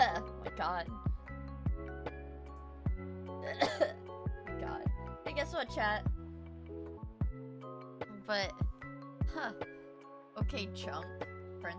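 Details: Cough with a cold from a streamer fighting a cold: a few short coughs and throat clears over steady background music.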